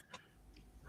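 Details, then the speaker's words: An adult man gives a single quick, sharp hiccup over quiet room noise while talking on a live stream. "Someone's got hiccups. That was me, and you will only hear the one from me because I'm just weird like that."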